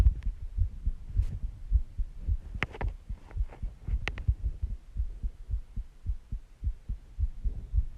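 Repeated low thumps of a heartbeat, about 107 a minute, somewhat uneven with some clicking noise over it.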